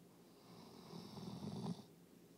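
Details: A single low, rattling snore on an in-breath, rising then cutting off in a quiet room, from a dog exhausted after a day of obedience competition.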